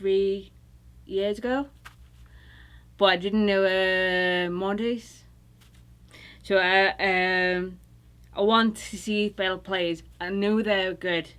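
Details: Woman recovering from stroke, who attended an intensive aphasia treatment program; Broca's aphasia with apraxia of speech.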